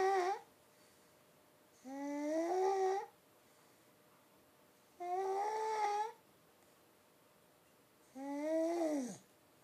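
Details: Snoring during an afternoon nap: four tonal, whiny snore sounds about a second long with quiet gaps, roughly 20 a minute, in a small room.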